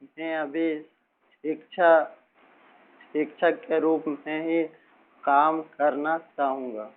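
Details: Male teacher who has stammered since about age six and still stammers slightly, speaking after accepting his stammer; stuttering.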